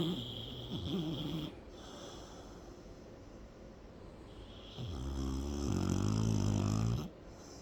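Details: Deep, vibrating snores on the in-breath with a quiet pause between them, two breaths heard; snoring.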